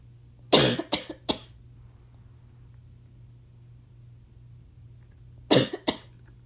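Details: Two bursts of coughing, three harsh coughs then two more, over steady room hum; a dry, tight asthma cough, with the person having trouble taking an inhaler and growing congested.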